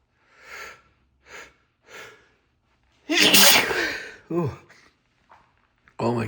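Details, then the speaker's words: Adult reacting to sneezing powder, tried for the first time, unlike his usual sneezes: three sharp inhaled breaths build to one loud, forceful spraying sneeze, then a voiced exhale. "my goodness, these are so different than my normal sneezes. Oh my god. Ooh. Oh my god, it's so much spray."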